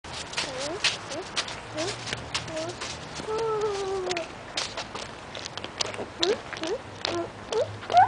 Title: has hiccups